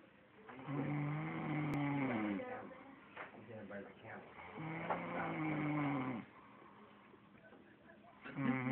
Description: My sis friend snoring.